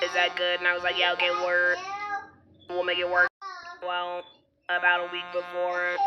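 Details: Alaryngeal speech in an adult woman after laryngectomy who has had throat dilation procedures.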